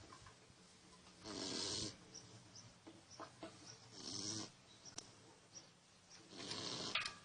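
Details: Snoring during sleep: three rasping, hissy snoring breaths about every 2.5 seconds, with soft clicks between.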